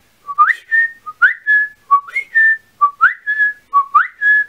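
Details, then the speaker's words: Repeated short, bird-like rising whistles in four similar groups: a whistling vocal tic in a person with multiple tics. They must breathe in and out a certain way while doing it, four times, sometimes four sets, restarting if wrong. "yeah so that one I want is super annoying because I have to like breathe in and out a certain way while I'm doing it and I have to do it four times"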